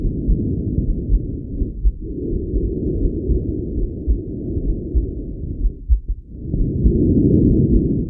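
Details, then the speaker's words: Healthy individual, stethoscope over the neck: harsh, high-pitched blowing breath sounds in both phases, mainly expiratory, with a clear pause between phases; normal tracheobronchial breath sound from physiotherapy auscultation teaching. "el soplo traqueobronquial bronquial o laringotraqueítis o áspero de tono elevado audible en las dos fases de la ventilación pero es preferentemente espiratorio con una pausa bien marcada entre ambas fases"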